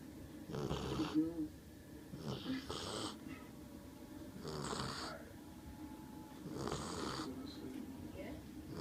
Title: American bulldog snoring